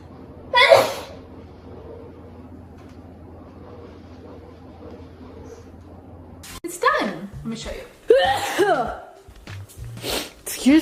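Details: A sharp sneeze from a girl, followed by a quiet stretch and talking with short bursts over faint background music; she attributes the sneeze to a cart.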